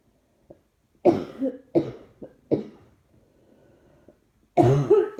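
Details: Repeated coughing, worse when trying not to cough: a run of about five short, harsh coughs in quick succession, a brief pause, then another burst; persistent dry-sounding cough.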